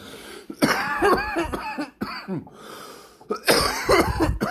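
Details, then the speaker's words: Adult coughing after taking very big bong hits of cannabis concentrate on first-time dabbing; sharp intake of breath, then a run of harsh rapid coughs mixed with laughter, an irritant cough after inhaling smoke. "I know it sounds like that was really harsh on my lungs. It's not. I was trying not to make you guys wait forever for me to smoke this thing and then start talking again. So, I took some really, really big hits."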